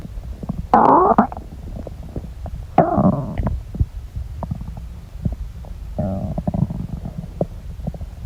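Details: Three loud gurgling, churning rumbles with quieter bubbling clicks between them from an adult belly; active bowel sounds (borborygmi).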